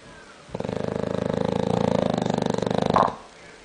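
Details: Bulldog snoring: a single long rattling, fluttering snore, loud and coarse throughout the breath; ordinary snoring.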